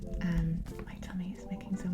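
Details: Low, rumbling, wavering tones come and go over a couple of seconds, the growl of a hungry stomach (borborygmi), from an adult on day five of a fasting-mimicking diet while quitting cigarettes.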